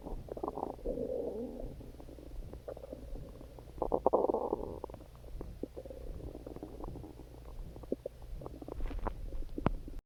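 Low gurgling, rumbling and squeaking stomach sounds, ordinary hunger growling from gas and fluid moving through the gut.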